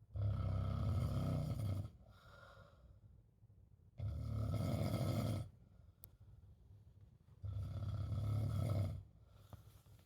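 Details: Snoring recorded in Spain: three loud, low, rattling snores about 4 seconds apart, roughly 15 breaths a minute, with quiet breathing between.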